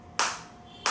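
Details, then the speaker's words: Focused (not radial) acoustic shockwave therapy (ESWT) device for physiotherapy, applied by the operator on himself away from any joint at intensity about 8 and gradually raised: two sharp hissing snaps about two-thirds of a second apart. "बिल्कुल focus shop wave आ रही है। मेरे को अंदर feel हो रही है और एट वे मेरे को काफी अच्छी फील हो रही है। और आप ये साउंड भी सुन सकते हैं फोकस शॉप की इस तरीके से।"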